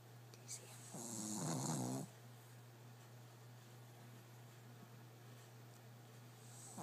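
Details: Shih tzu sleeping on his back under blankets with his head on a pillow: one rough, rattling snore over steady low room hum, then quiet; snoring during sleep.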